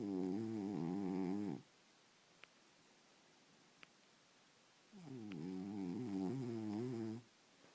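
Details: A sleeping cat snoring loudly; a first loud snort starts the snoring.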